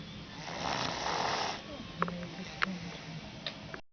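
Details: A rough, noisy snoring breath fills the first half, then quieter breathing with brief clicks and snorts; snoring during sleep.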